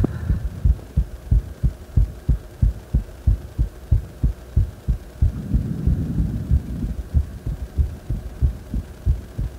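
Strong, regular heartbeats at about 92 a minute, with a brief rustle midway; a quickened but normal rhythm after exercise.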